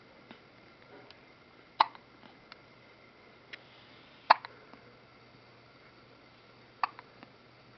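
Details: Person in a frog outfit with hiccups: three sharp hiccups about every two and a half seconds in a quiet room, with small clicks between them.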